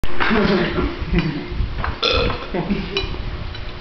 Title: BURP!.MOV